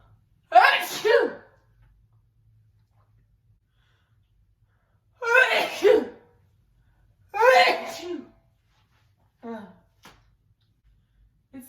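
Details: Woman sneezing while standing, filmed from the side in a dress, shortly after waking and eating breakfast: three forceful back-bending sneezes, each with a sharp intake before the burst, then softer breaths in a quiet room.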